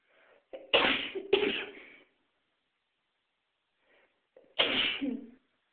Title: Me sneezing.